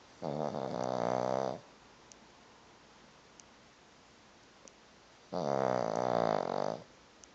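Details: Repeated snoring during sleep: two loud, rattling, voiced snores about five seconds apart with quiet breathing between them.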